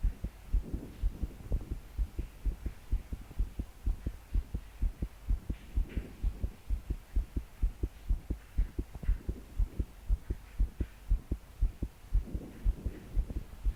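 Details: 22-year-old woman's fast, forceful, regular thumping heartbeat, about 120 per minute, with soft breathing while trying to calm down to sleep; body shaking with each beat; deep breaths didn't help; rain behind; pounding palpitations.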